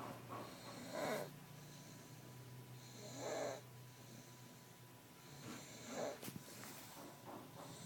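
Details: Person snoring: three rough, rattling snores on breathing in, about 2.5 seconds apart, over a faint steady hum; ordinary snoring.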